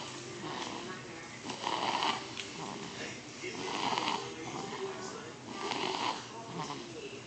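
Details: Sleeping baby snoring: regular rattling snore on each breath, about 30 breaths per minute; snoring.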